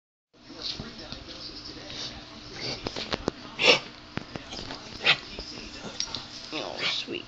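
A dog gives two sharp, harsh, hacking bursts among smaller snorting sounds, over faint room noise: a dog's cough.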